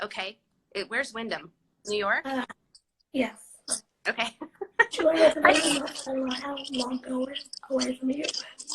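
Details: 17-year-old living with cerebral palsy, speaking spontaneously in a live interview; dysarthric speech in cerebral palsy.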